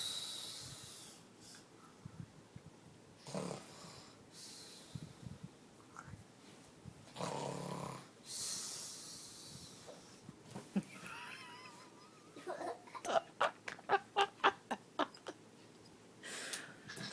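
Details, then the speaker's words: Sleeping adult (child says it's how Mommy sounds asleep) snoring: irregular snorting, rasping breaths, some whistling, then a run of brief sharp sounds in a quiet room. "She does mmy snores What does snoring Sound like them you snore"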